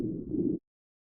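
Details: Wheezes recorded with the StethoMe electronic stethoscope over a child's chest and classified by AI: a brief, continuous, low-pitched musical breath sound.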